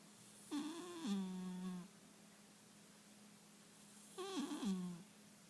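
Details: Two drawn-out, tonal, buzzing snores from a sleeping Calico Himalayan cat, one per breath about four seconds apart, in a quiet room; snoring.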